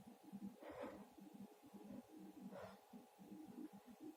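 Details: Male: two soft, muffled sneezes about two seconds apart, with quiet breathing and low room noise around them.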